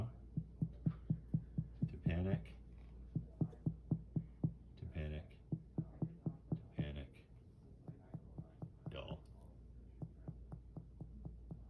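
Rapid, steady finger-percussion taps over the abdomen with brief murmured voices; the note changes from dull to hollow after repositioning, indicating shifting dullness from ascites.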